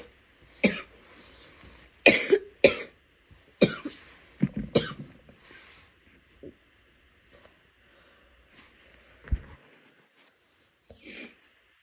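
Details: Adult woman: several loose wet coughs with throat clearing and spitting sounds between them.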